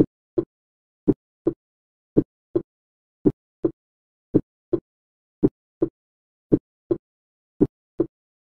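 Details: Steady, clean and regular lub-dub heart sounds at about 55 beats a minute: normal S1 and S2.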